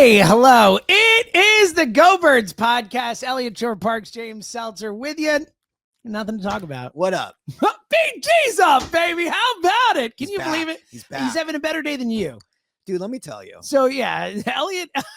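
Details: Adult male speakers, podcast hosts; normal voice.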